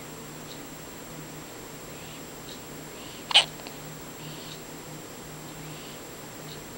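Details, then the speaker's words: Two-day-old baby girl with frequent hiccups, two or three times a day: one short, sharp infant hiccup against steady room hum. "has the hiccups. Hiccup girl. She always had a hiccup. Twice or 3 times a day."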